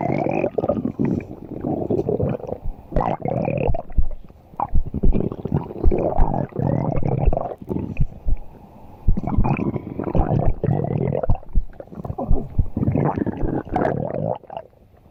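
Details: Irregular low gurgling and rumbling in bursts over fifteen seconds. Ordinary stomach growling (borborygmi).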